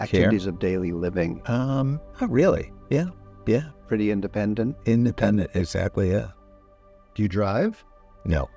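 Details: Adults in conversation; normal speech.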